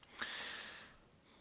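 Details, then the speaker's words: Dog resting right beside the recorder on a cool, snowy day gives a single airy, snorting breath in a quiet room; snoring. "please excuse the sound of my dog snoring they are right next to me while i'm recording and it's kind of a cool day out"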